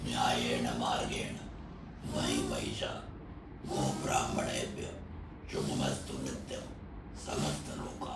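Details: 70-year-old man with laryngeal cancer, radiation in 2019 and 2024, total laryngectomy in November 2025 with primary tracheoesophageal puncture and voice prosthesis, occluding the stoma by hand while reciting a mantra; tracheoesophageal speech after total laryngectomy.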